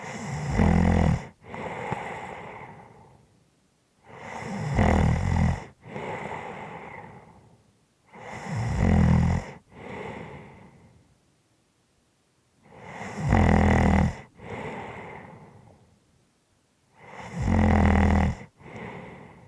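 Loud, rattling snores about 15 a minute, each inhalation followed by a softer exhalation; snoring.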